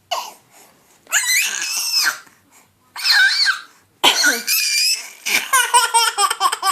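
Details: Adult gives three harsh, noisy coughing bursts, then an infant boy, meant to be eating dinner, breaks into bubbly, repeated laughter at the cough. Finding: adult cough.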